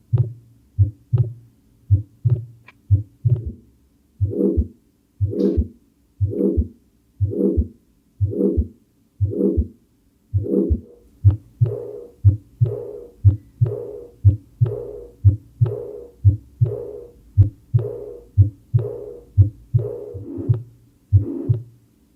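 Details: Heart auscultation demonstration in a heart failure and acute pulmonary edema teaching context: third and fourth heart sounds, gallop rhythm.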